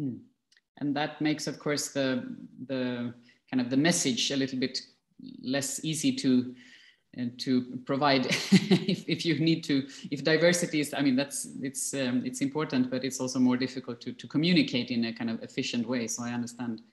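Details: Adult man speaking; normal speech.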